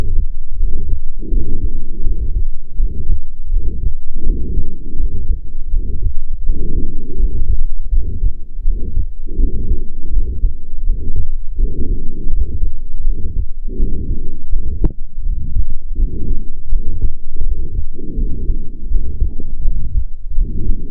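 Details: Heart sounds recorded with a Stethophone device, demonstrating a systolic heart murmur, a marker of a range of cardiac pathologies.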